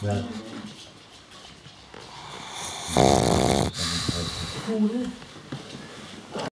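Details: Dog sleeping heavily, snoring with loud rattling breaths and one strong snort in the middle; faint talk in the room.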